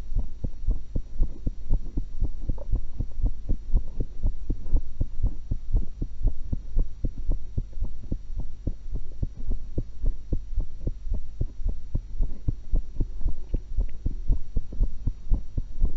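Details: Own heartbeat recorded through a stethoscope while eating an apple and a cucumber: fast, steady, clear heartbeat at about 118 per minute with a low background hum.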